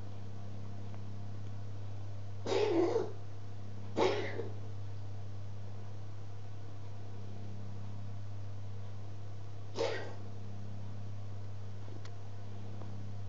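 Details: Cat with a long-standing cough, now almost daily and sounding really bad, cause unknown: three short, harsh, airy coughing bursts at irregular gaps over a steady hum.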